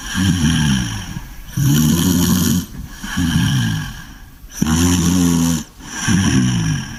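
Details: Sleeping English Bulldog snoring: loud, rumbling snores on each breath, about 20 a minute, with a rattling snort.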